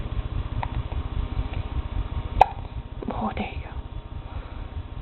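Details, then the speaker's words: A single sharp, abrupt hiccup click from an awake infant boy, followed by a soft vocal sound over a steady low room rumble: hiccups. "they're not only am i awake but i have the hiccups can we hear him give us a good one"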